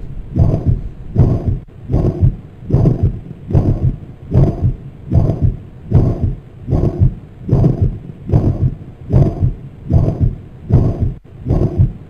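Regular heartbeat about 75 a minute, each beat carrying a loud blowing murmur through systole that blurs the heart sounds: a mitral regurgitation murmur.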